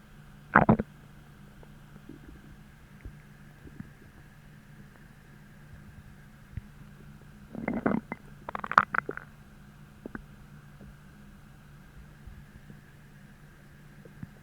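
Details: Morning after a heavy dinner, bloating gone, replaced by a deep, achy, hollow hunger; growling began about twenty minutes later: a few short gurgling rumbles over a steady low hum; stomach growling (borborygmi).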